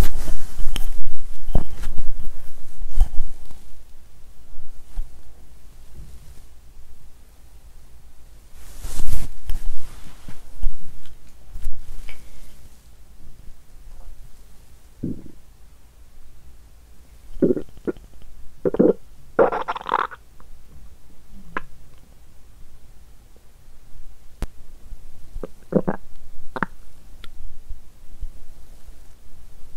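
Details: Low rumbling and scattered gurgles from an adult woman's belly, lying down, with louder gurgles midway; she says her stomach is noisy while her intestines are quiet. Day two of her period; bowel sounds.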